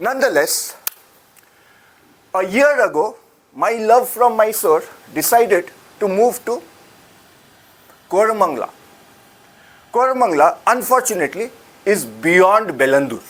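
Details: Adult speaker; ordinary speech.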